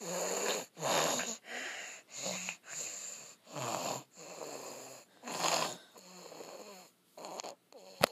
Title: Sick snoring boy